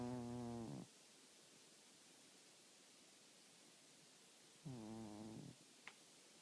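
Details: Snoring during sleep: two short, buzzing, vibrating snores separated by several seconds of quiet breathing; the sleeper suspects it may be part of a sleep problem.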